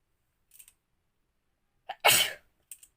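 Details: Woman deliberately induced to sneeze by tickling her nose in a sneezing challenge; a few soft breathy sniffs, then one sharp, loud sneeze burst in a quiet room.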